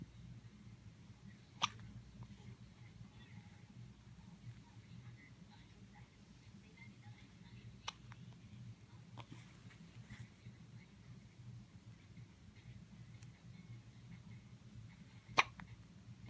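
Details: Four faint, sharp hiccup clicks at irregular intervals over about sixteen seconds in a quiet room; hiccups.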